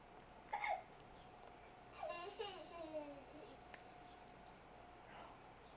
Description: my silly girl singing while having the hiccups!!